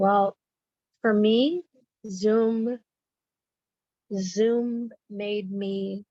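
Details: Person with aphasia speaking with agrammatic phrasing.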